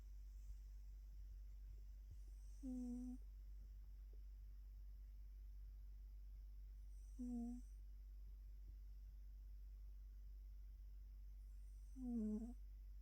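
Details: A sleeping cat makes soft, squeaky snoring sounds about every four to five seconds while dreaming; snoring.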